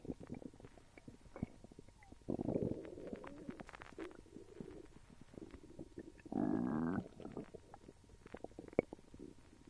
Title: Stomach noises